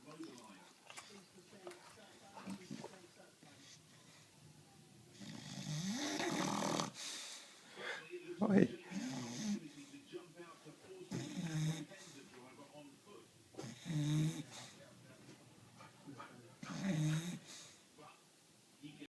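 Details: A bulldog snoring in its sleep: loud, rough snoring breaths repeating at irregular intervals, with low background voices.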